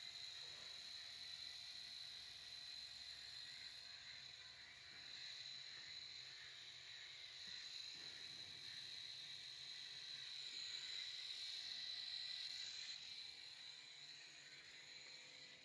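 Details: Nebulizer running on a calf being treated for pneumonia and rapid, labored breathing, loaded with 4 ml normal saline, 2 ml atem injection and 2 ml clenin injection; steady hissing, buzzing motor noise as it mists the medicine.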